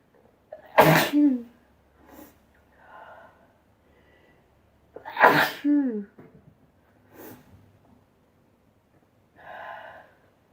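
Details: Two loud sneezes, each with a short voiced lead-in and a sharp burst, with quiet breaths and murmurs between them, from a compilation of ordinary sneezing.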